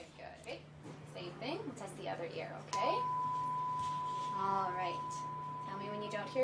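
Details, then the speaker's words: Tuning fork struck, ringing a steady pure hum, for a Rinne test in a paediatric neurological exam: held in front of the ear, then on the mastoid process; adult and child voices nearby. "A basically tuning fork is first held in front of the ear and then held to the mastoid process. So what we would do is I would hit it."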